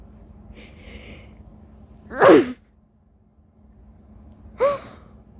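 A faint breathy buildup, then two sharp explosive sneezes a couple of seconds apart, part of a sneezing fit.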